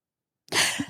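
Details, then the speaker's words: Single sneeze from an adult woman during a podcast conversation: silence, then one sudden hissing burst of air with a brief voiced tail. "Back in the early aughts, but wait, I'm going to sneeze. Hold on."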